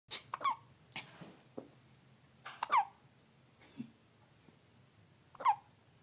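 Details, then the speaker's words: Infant who gets hiccups every time she eats: repeated short, sharp squeaky gulps with soft breaths between, about one every few seconds, in a quiet room: hiccups. "gets the hiccups every time she eats. And this is what we get to hear."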